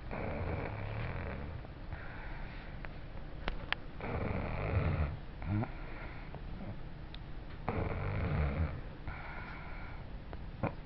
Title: roncando